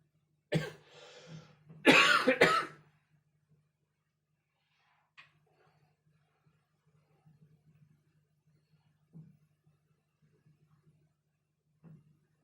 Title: Coughing 20240626 01:47